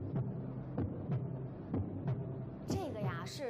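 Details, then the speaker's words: Regular low thumps at about 62 beats a minute, played on a heart-valve health TV programme as a healthy, strong heartbeat; brief voice at the end. "是心跳声，这个声音啊，咚咚的，一听就是一个健康的心脏。没错，那这个啊，是一个健康有力的心跳声。"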